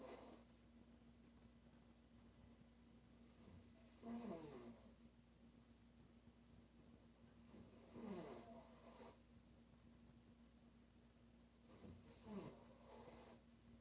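Three rattling snores about four seconds apart, roughly 15 breaths a minute, over a steady room hum.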